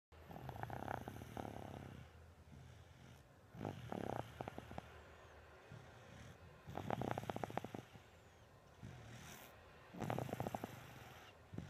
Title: snoring!